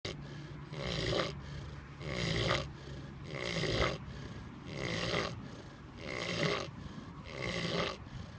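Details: Sleeping pig snoring: steady rhythmic grunting snores, about 45 a minute, with a rough rasp on each breath.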